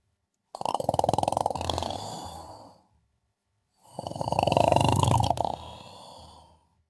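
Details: Someone sleeping and snoring: two long, rattling snores in a quiet room, each a rough vibrating breath lasting about two seconds; snoring.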